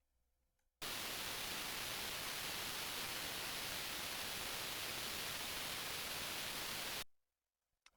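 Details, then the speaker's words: Hearing aid feedback manager calibration run with an open dome at 100% of target gain, showing large sound leakage from the ear canal; hearing aid feedback calibration noise. "Look at all that leakage. That's a lot. So, remember, you can kind of look at this as a visual representation of how much sound is leaking out of the ear canal."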